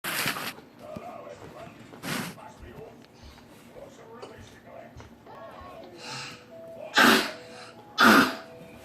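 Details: Several separate coughs from a child, about five bursts with quiet room sound between them.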